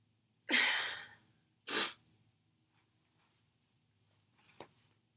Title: Girl sneezing fit stifled sneezes nose blowing